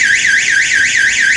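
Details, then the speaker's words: Loud, high-pitched rising and falling electronic siren sounding when a church's AED cabinet door is opened during a CPR/AED training session; AED cabinet alarm. "We're actually going to pop this case open so you can hear everything that happens when you open up the door."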